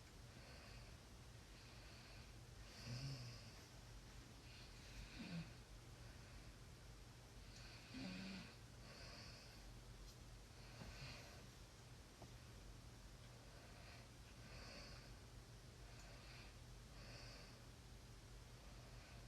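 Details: Faint, low snorting breaths during sleep, about every two and a half seconds, under steady room hiss; quiet snoring.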